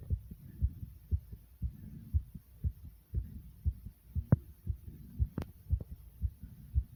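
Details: Rapid heartbeat right after 55 jumping jacks, a racing heart after exercise.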